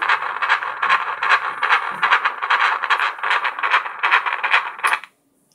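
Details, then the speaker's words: Doppler recording of a fetal heartbeat, taken right after an ultrasound showing a moving baby: rapid, regular whooshing pulses at about 150 a minute, a normal fetal heartbeat. "Sure, since you got it on the video, I'll hear the Doppler again."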